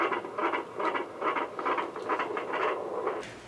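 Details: Rapid, regular whooshing Doppler beats at about 143 a minute in a pregnant woman planning a midwife-attended vaginal birth after previous cesarean; normal fetal heartbeat.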